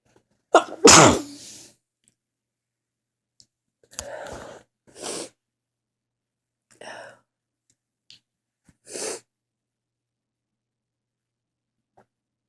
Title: Back with a lot of sneezes.